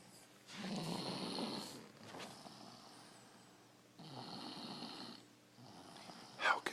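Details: Angelina asleep on the couch, snoring: two noisy, rasping snoring breaths with quieter airflow between, in a small room.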